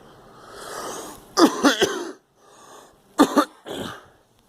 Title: Girl coughing